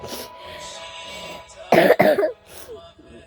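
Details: A young person who just woke up with suspected allergies and could not sneeze: a quiet stretch, then two short harsh cough bursts close together with faint background music; a brief cough.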